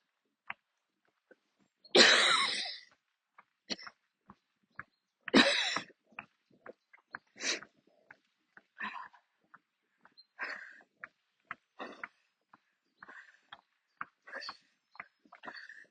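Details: Adult coughing fit while walking outdoors near the end of a walk: two harsh, forceful coughs, then many shorter, weaker coughs and throat clearings; usually has to stop during such attacks but kept walking.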